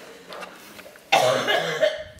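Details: 10-month-old infant imitating her grandmother's cough: a single short, forceful cough-like burst.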